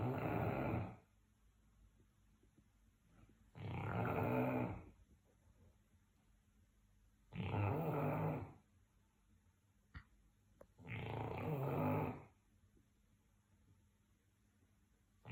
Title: Sprockett Snoring 10 Years Later - 10 Year Anniversary